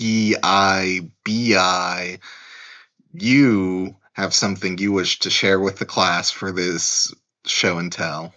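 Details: Adult male speaker; Plain speech.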